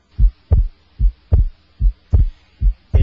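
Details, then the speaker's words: Electronic stethoscope over the pulmonic area, with S1 timed to the radial pulse. Regular heart sounds at about 74 a minute; S2 widens on inspiration and becomes single on expiration. Physiological splitting of the second heart sound. "the second heart sound splits or becomes wider normally with inspiration and become single with expiration"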